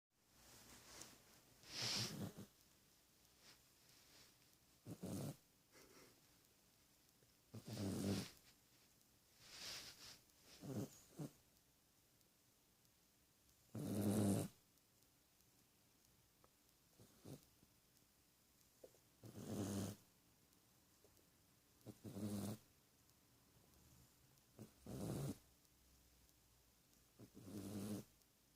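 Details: A sleeping cat snores in soft, rasping bursts, about ten a minute, with quiet pauses between.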